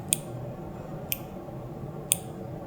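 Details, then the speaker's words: Three sharp, evenly spaced clicks about one second apart in a quiet room: an insulin pump pod priming after pairing with the phone app, before being applied to the right arm. "Basically what it's doing is it's priming the inside of here so that um when I go to put it on, it will already be primed with the tubing and everything."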